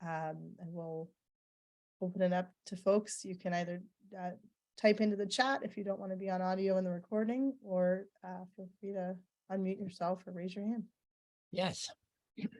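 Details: Adult woman; normal speech.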